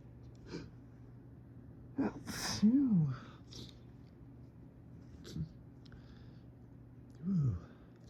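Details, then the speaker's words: Adult with fall allergies, possibly mold, ragweed or dead leaves, having repeated sneezing fits triggered by nasal tickles: several sneezes with gasping, breathy sounds between them in a quiet room. "Oh, when my nose just starts taking over like that, it's so crazy."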